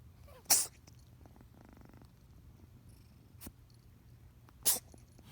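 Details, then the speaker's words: Kitten who just woke from a nap, purring then sneezing non-stop: two sharp, sudden sneezes about four seconds apart over a faint purr in a quiet room; sneezing. "became sneezing continued purring for a while now became non stop sneezing one more time non stop sneezing"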